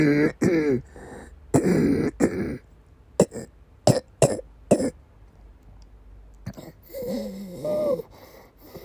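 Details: Bouts of harsh, wet coughing with throat clearing and gasping breaths between them in a woman with persistent asthma attacks and migraine-cluster headache complex.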